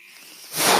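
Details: A podcaster's own mechanical ventilator, recorded while he speaks: after near silence, a soft breathy hiss swells as the ventilator delivers a breath.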